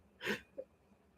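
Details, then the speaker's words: Adult woman sneezing repeatedly in the background on a hot day: a single faint sneeze followed by a soft catch of breath. "Bless you. I don't know if you could hear that. My wife was sneezing like crazy."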